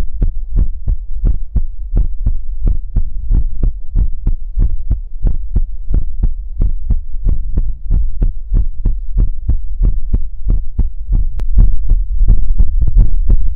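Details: Heartbeat in an ASMR livestream: steady, low thumping at about 90 beats a minute, with a faint hum underneath.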